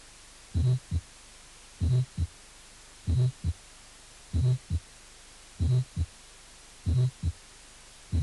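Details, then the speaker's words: Another brief innocent protosystolic murmur: vibratory systolic murmur of innocent (Still's-type) character. "otro soplo proto sistólico breve inocente i 1 sopló prothom eso es histórico vibratorio de estilo inocente"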